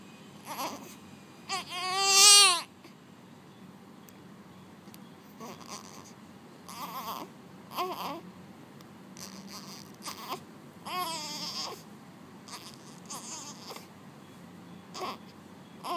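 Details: One-day-old newborn girl, born at home the previous day, crying in hospital: short bursts of high-pitched crying with fussing and whimpers between them in a quiet room; normal newborn cry.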